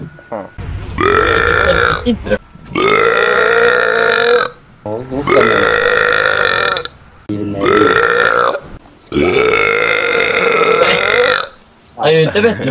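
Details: Compilation of deliberate burps from gamers: four long, loud, drawn-out voiced belches in a row with brief gaps; burping.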